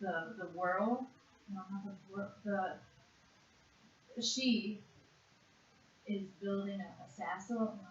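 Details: Severe conduction aphasia in a 56-year-old woman after a single stroke to the left hemisphere in June 2012, worse with stress; word fluency task naming animals in one minute; conduction aphasia.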